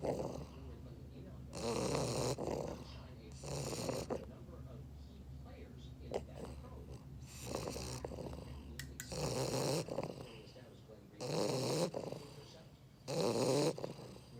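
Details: Loud rattling snores from a sleeping English Bulldog, about six breaths in fourteen seconds, with quiet pauses between; snoring.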